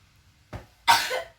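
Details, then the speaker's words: Acted nursing demonstration of effective coughing: after a deep breath and back percussion, one strong, wet, productive cough brings up sputum, about 5 mL collected as a sample for testing. "Bagus sekali ini udah keluar dahaknya percaya kalau sini dulu ya Mbak"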